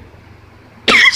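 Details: Quiet room, then one abrupt, harsh cough burst from an adult who has a cold and flu.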